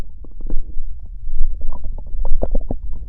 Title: Stomach growl